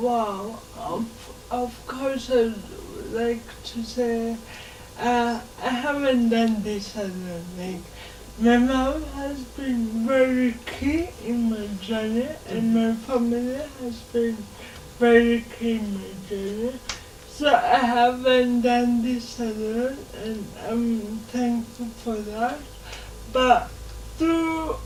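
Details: Dysarthria in a 27-year-old woman with lifelong cerebral palsy; she can speak but needs extra time.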